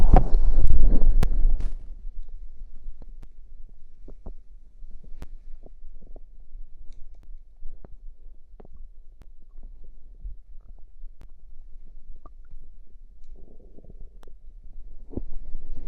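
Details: Stomach growl after drinking cider (fizzy drink): an opening loud rumble, then scattered soft clicks, pops and low gurgles as gas and fluid move through the gut; ordinary borborygmi.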